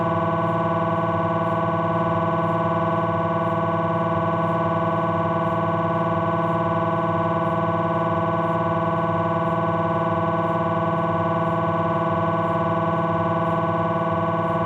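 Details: Abdominal MRI on a Philips 1.5T scanner: loud steady buzzing drone with fast regular tapping pulses, about 220 a minute; scanner noise during a sequence.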